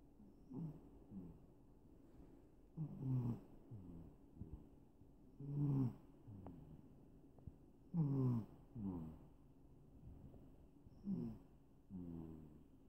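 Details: Rhythmic low rattling snores, roughly one every few seconds with paired in-and-out sounds, while asleep in a lap; ordinary snoring.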